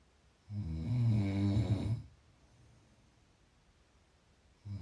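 One loud, low, rattling snore lasting about a second and a half on an in-breath, then quiet until the next breath begins.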